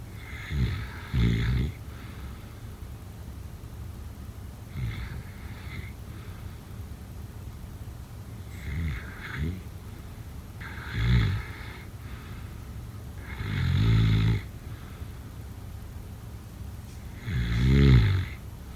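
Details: Sleep sounds: low, rumbling snores recurring about sixteen a minute, with quiet breathing between them; snoring.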